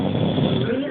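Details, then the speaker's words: An adult man asleep, knocked out and sweating on his forehead, snores very hard: a brief, steady, rough low rumble from loud snoring. "notice as he sleeps with sweat pulls on his forehead he's snoring so hard and making his stff wet"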